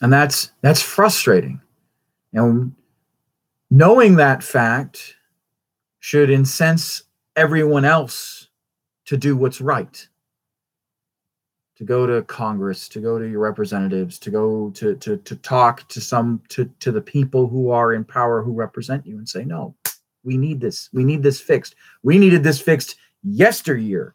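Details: Stuttering in an adult male with a traumatic brain injury from a rollover car accident in England, who says he stutters all the time.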